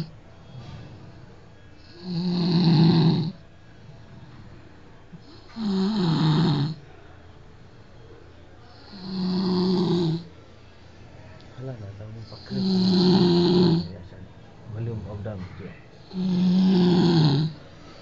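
Loud, rattling snores with each breath in, about 17 a minute, separated by quiet breathing out: typical heavy snoring.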